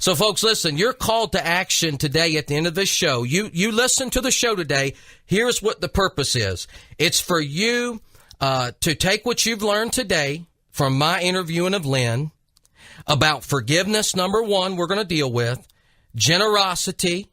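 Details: Adult man speaking; normal adult speech.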